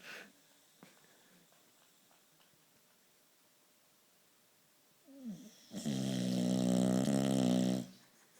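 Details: Boxer dog napping in an odd posture: after a quiet stretch and a short snort, a long, loud, rumbling inspiratory snore typical of a short-nosed dog; snoring.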